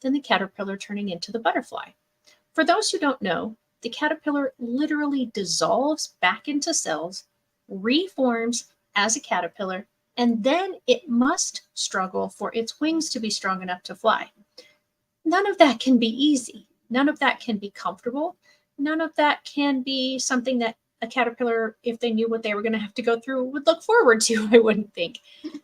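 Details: Adult woman speaking; normal speech.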